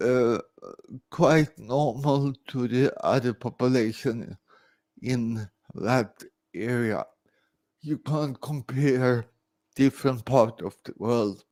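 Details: Dysarthria in an adult man born in 1968 with severe cerebral palsy caused by about 45 minutes without oxygen at birth.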